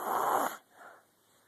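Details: Little girl snoring loudly: one loud, harsh snorting snore, then a softer breath out.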